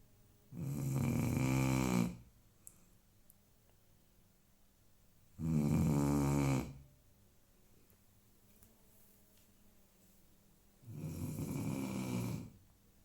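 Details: Dog snoring: three long, deep rattling snores about five seconds apart, roughly 12 breaths a minute, with quiet pauses between during sleep.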